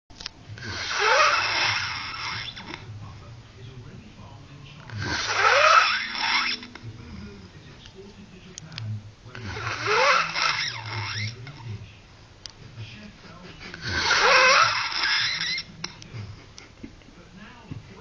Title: worst snoring